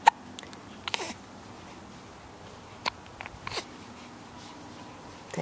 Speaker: six weeks old today and got the hiccups at the moment she can hold her head up to some extent